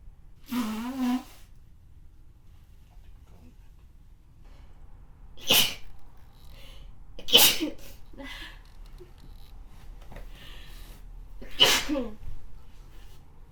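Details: Sick, snotty sneezing from a consenting model: four loud, sharp sneezes spaced a few seconds apart in a quiet room, with a brief voiced sound before them.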